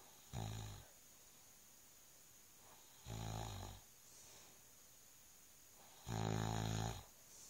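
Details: Husband snoring during sleep: three loud, low rattling snores about three seconds apart, roughly 20 breaths a minute, in a quiet room.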